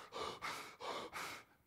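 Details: Voluntary hyperventilation (breathing exercise demonstration).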